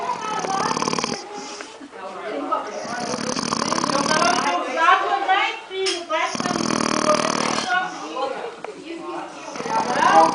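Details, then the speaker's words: Adult woman snoring at night while her family sleeps in one small kitnet room, recorded by her sisters: loud, rough snores with chatter and music behind. "Agora nós estamos aqui comprida na kittin gravando ronco da irmã"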